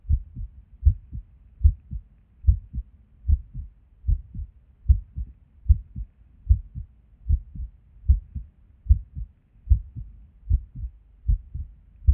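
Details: Resting heartbeat recorded at Erb's point while sitting at a desk: heart sounds at about 75 beats a minute with uneven spacing and occasional pauses, an irregular rhythm with skipped beats.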